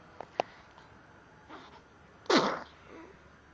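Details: A yawn followed by a sneeze: faint clicks and a soft breath, then one short sharp sneeze over quiet room noise.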